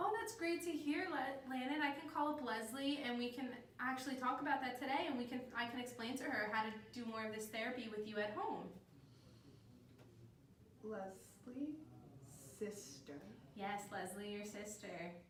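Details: Adult woman speaking, with a second voice giving brief single-word replies; ordinary speech.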